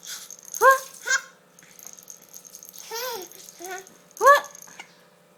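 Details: Baby aged 4 months laughing with hiccups.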